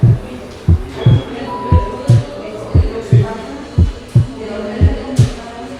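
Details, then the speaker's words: Physiological (normal) splitting of the second heart sound on inspiration, with delayed pulmonary component; regular heart sounds near 57/min. "Así que cuando se ausculta un desdoblamiento del segundo ruido durante la inspiración, es el segundo ruido pulmonar el que forma el segundo componente del ruido desdoblado. Escuche el desdoblamiento normal del segundo ruido cardíaco con la inspiración."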